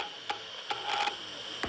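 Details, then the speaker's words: Microelectrode recording during deep brain stimulation surgery for severe depression, lightly sedated patient: sparse sharp crackling pops over steady electrical hum, neurons firing in brain gray matter, used to confirm electrode placement. "to make sure the electrodes are in the right spot we can actually listen for neurons firing in the brain the gray matter sounds like"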